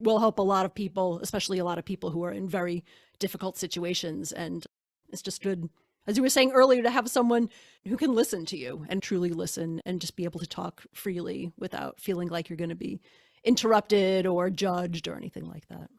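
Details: Adult woman; normal speech.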